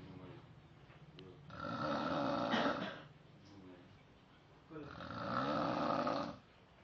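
Two rough, fluttering snores about three seconds apart, with softer breaths between them; ordinary snoring.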